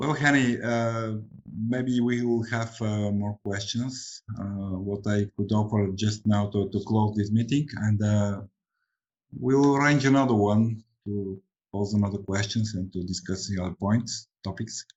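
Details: Adult man; ordinary speech.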